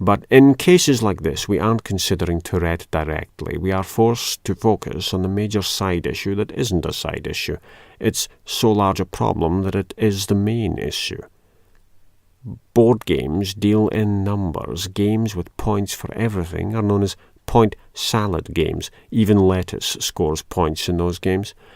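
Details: Adult male speaker; normal speech.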